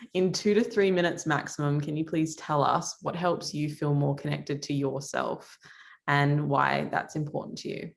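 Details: Adult woman; typical speech.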